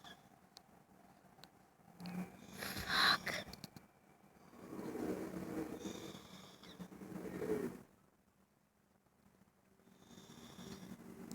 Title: Wtf can you snore louder